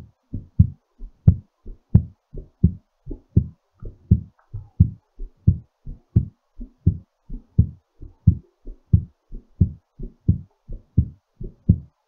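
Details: Strong, regular paired heartbeats at about 88 per minute during recovery after exercise; normal heartbeat.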